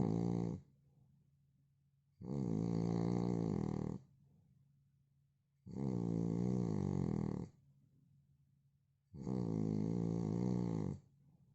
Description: Original sound of man snoring...